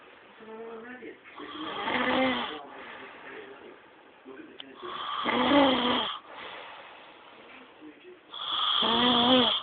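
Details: Person asleep, heavy snoring: loud, rough, rattling snores about every three to four seconds, with quieter breathing between them.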